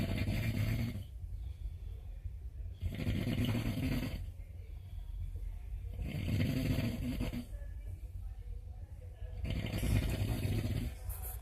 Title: Italian guy snoring in the cabin like a tractor